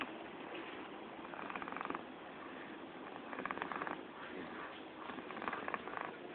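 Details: Sleeping cat snoring, recorded at 07:30: soft, fluttering rattles recur about every two seconds with each breath over a steady hiss.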